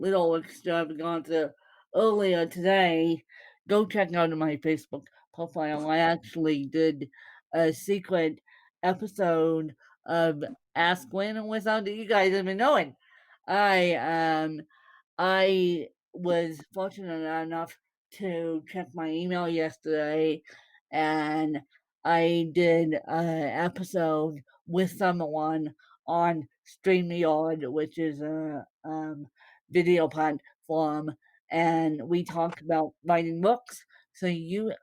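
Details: Woman born with cerebral palsy, speaking; dysarthria associated with cerebral palsy.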